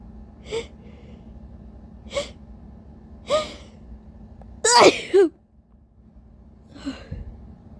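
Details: Several breathy gasping buildups, then one loud uncovered sneeze with a short second burst: tissue-induced sneezing in a tired person whose allergies have bothered them all day.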